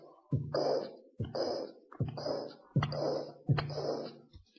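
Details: Heard by stethoscope over the aortic area: a regular heartbeat, about 75 a minute, each beat opening with a sharp ejection click and a harsh rushing systolic murmur, from aortic stenosis.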